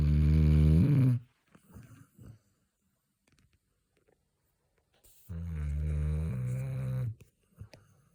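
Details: Snoring from either a woman (mummy) or a Labrador retriever dog (uncertain which): two long, deep, rumbling snores separated by a quiet pause with small rustles.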